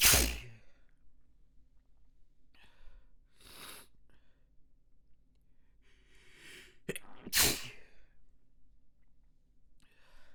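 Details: Messy, snotty fit of forceful sneezes with wet, sniffly breaths and sighs between them; a sneezing fit.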